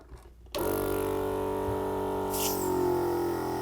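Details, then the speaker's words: Portable suction machine for clearing oral and throat secretions in ALS patients, briefly switched on as a demonstration: click, then loud steady motor drone with hissing rush of air creating a tight vacuum. "You can kind of hear how it sucks and it creates that tight vacuum."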